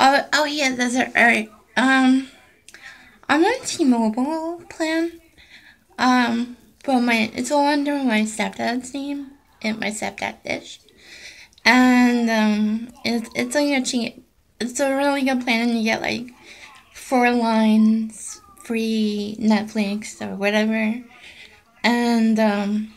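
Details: Adult woman with essential tremor affecting her voice, which she says may make her hard to understand, along with hand and internal tremors; voice tremor (essential tremor).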